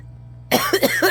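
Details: After a quiet moment, a pet in a home with a cat and a Shiba Inu dog gives a quick run of three or four short, harsh coughs.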